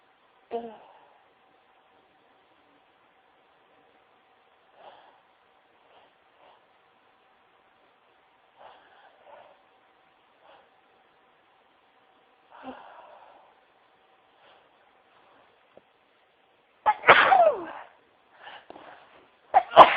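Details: Sneezing into tissues: soft rustling and quiet muffled sneezes into tissue, then one louder sharp sneeze near the end, followed by further brief bursts.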